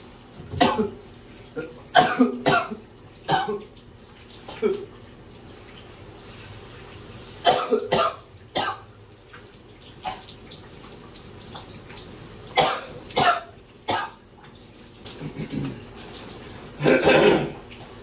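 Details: Person with a throat bug coughing while showering: repeated bursts of harsh clustered coughing over running shower water; nonstop coughing fits.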